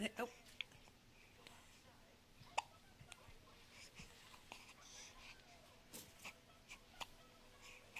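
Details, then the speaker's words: A few short, sharp catching sounds spaced seconds apart, about three in eight seconds, in a quiet room, fitting a child's hiccups: hiccups. "Say, help me. I got hiccups. Say, help me."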